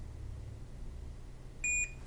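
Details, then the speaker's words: Simulated demo of SAV04 small-animal ventilator (for animals 100 g–60 kg): a no-breath alarm sounds after the patient is disconnected, a repeating short high electronic beep over low room hum. Ventilator disconnect alarm. "as you see the no breath alarm is displayed on the screen and we have a repeating alarm sounding"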